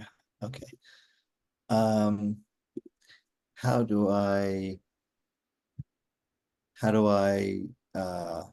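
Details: Real adult male stroke survivor with aphasia since a stroke during surgery for hereditary mitral valve prolapse in 2007, recorded in 2024; he still finds communicating hard; aphasia.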